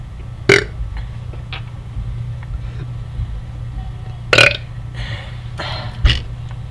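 Three short, loud belches over a low hum of room or engine noise, with faint voices.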